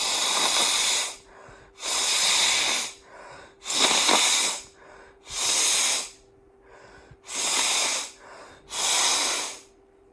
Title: Blowing my snotty nose with a rattle sound